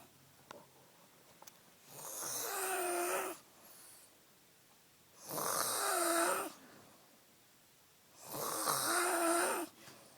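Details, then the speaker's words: Drunk young woman passed out on a couch snoring loudly: harsh rattling snores on each breath in, about three in ten seconds, with quiet pauses between. "This bitch over here be snoring. So we're about to check her out, dude."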